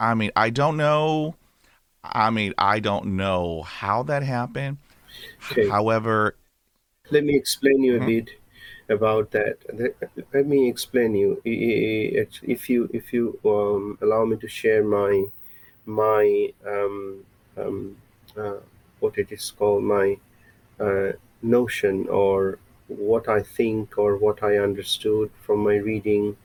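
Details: Adult male with lifelong stuttering since he began speaking, mother also stutters; a recovering stammerer using breathing techniques from a stammering recovery course and a speech synthesizer for lectures; stuttering.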